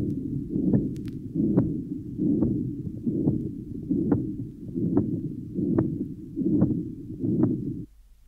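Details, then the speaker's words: Patent ductus arteriosus in a 15-year-old girl, recorded at the pulmonary area: rough continuous machinery murmur swelling and fading with each beat, about 70/min, passing through both components of the second heart sound. "this recording taken at the pulmonary area in a 15-year-old girl shows the murmur passing through both components of the second heart sound"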